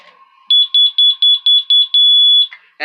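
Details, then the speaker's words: Seven high-pitched beeps ending in a long steady tone come from an NxStage home dialysis machine's moisture sensor alarm under test. The check is required before every dialysis session, and this sound shows the sensor works. "and then we have this little thing and it is a moisture sensor and you have to check it every time you do your dialysis"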